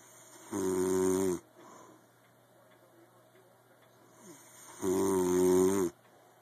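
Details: Two loud, droning, buzzy snores with a quiet pause between them; snoring.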